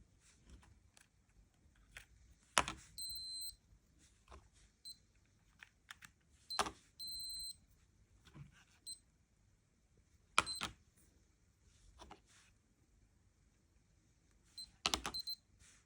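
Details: Short high beeps from two Lifechek Stick blood glucose meters, with handling clicks and rustling, during repeated measurements in a precision test by a person with 30 years of type 1 diabetes; first readings 118 and 115.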